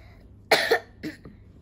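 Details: Young girl with a slight cough gives two or three short, fairly soft cough bursts in a quiet room; mild cough.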